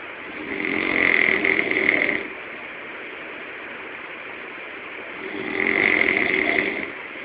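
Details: Sleeping man, who says he doesn't snore, snoring: two long, harsh rasping breaths about five seconds apart, separated by quiet.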